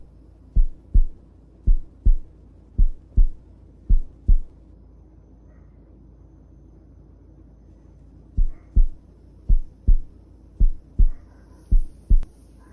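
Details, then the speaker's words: Korotkoff sounds during manual blood pressure measurement in a cardiology lab practice, with an arm cuff fitted loosely enough to pass two fingers under it, inflated until the pulse disappears, then deflated slowly while listening with a stethoscope. "cada vez que sintamos el pulso vamos a bombear hasta que dejamos de sentir ya luego que dejamos de escuchar el pulso vamos a llevar la manilla dos veces los vamos lentamente"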